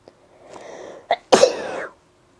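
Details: Person sneezing unrestrained, attributed to dust: a short breathy intake, a catch, then one loud explosive sneeze.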